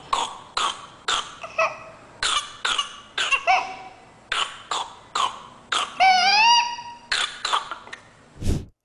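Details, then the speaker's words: Pertussis (whooping cough) paroxysm: a rapid run of about a dozen coughs with no breath between, then a high rising inspiratory whoop ("guincho respiratório") and more coughs. "E no final ela faz aquele barulho que é mais ou menos assim, que a gente chama de guincho respiratório. Então, isso acontece, isso é muito característico aí da coqueluche."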